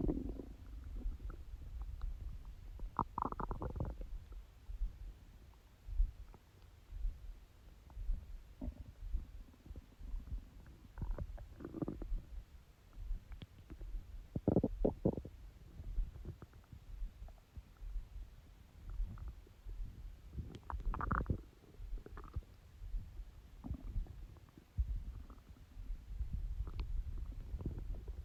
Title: My Stomach growling😊